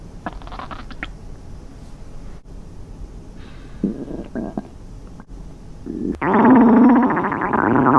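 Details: Stomach growling in a girl in a swimsuit, hungry while playing at the sea (acted fantasy scenario): loud, long gurgling rumble from the belly after quieter bubbling; hunger borborygmi.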